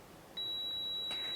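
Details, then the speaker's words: High-flow nasal cannula (HFNC) oxygen machine, an AIRVO 2 used for COVID and COPD patients, switched on by holding the power button: a single steady high-pitched electronic power-on beep. "after the power cord is plugged in the machine is switched on by pressing this button for few seconds"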